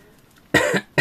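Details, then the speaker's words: A loud, harsh cough, followed at once by the start of a second, from an adult who says it is her asthma and that she is breathing badly. "Excusez-moi, c'est mon asthme. Vous avez entendu comment je respire mal."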